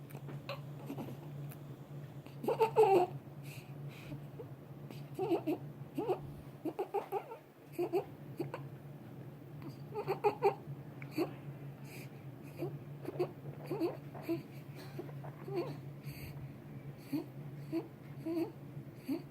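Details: Infant's noisy, harsh breaths, some with a high squeaky pitch, over a steady background hum: stridor.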